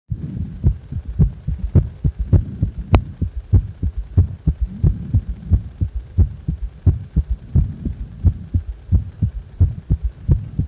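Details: Heart sounds with strong third sound: regular low beats at about 88 a minute, each followed by an extra dull early sound; loud third heart sound (S3), gallop rhythm.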